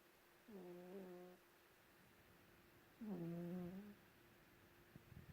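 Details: Cat sleeping under a white blanket, snoring loudly enough to be heard from another room: two drawn-out, tonal humming snores a few seconds apart, in a quiet room.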